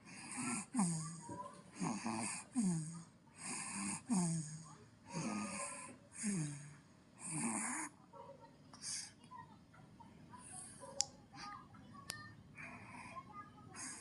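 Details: Rhythmic rattling snores on each breath, about 18 a minute, in a sleeping infant, then quieter breathing; infant snoring during sleep.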